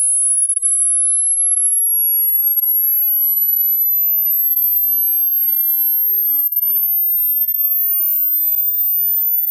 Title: HEARING TEST | How Old Are Your Ears ?